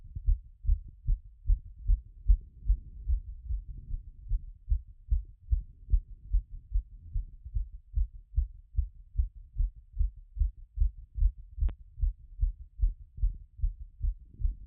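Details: Own heart auscultated by stethoscope after a workout: fast, regular heartbeat at roughly 150 a minute, slowing from a peak of around 180.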